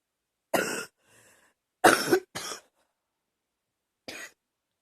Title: # 30 Chesty and wet cough